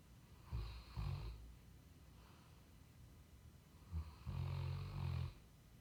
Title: Lord Loki Cane Corso Snoring